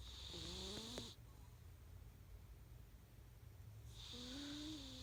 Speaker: that is my cat sawing logs anybody got earplugs cuz I know I won't be little late damn she snores loud fur cat